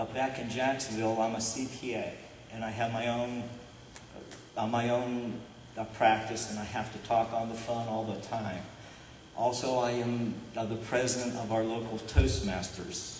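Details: Adult man who stutters, describing himself as stuttering openly rather than covertly; stuttering.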